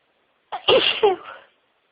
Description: Absolutely huge sneezing fit with lots and lots of sneezes (over 60!), including build ups, a couple of stifles and some wet nose blowing on soft white tissues.